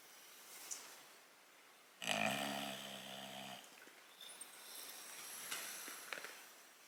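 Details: English Bulldog awake and relaxing, not asleep: one loud, rattling, buzzy snorting breath in a quiet room, then softer noisy breathing; snoring-type airway noise.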